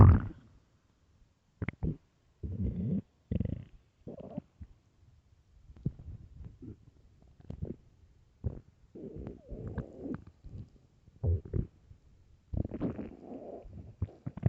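Loud, low gurgling and rumbling bursts with quiet gaps between; stomach growling on an empty stomach, a normal sound.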